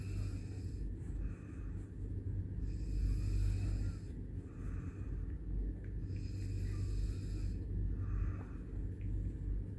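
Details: Father snoring, which the baby dislikes: repeated low, rough snoring breaths in a steady rhythm, with a faint higher noise in the background.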